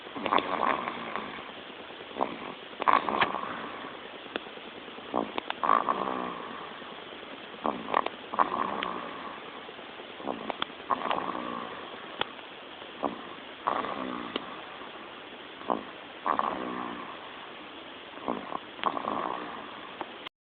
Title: Cute baby Snoring baby